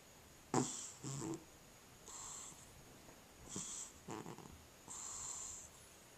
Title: Cat Snoring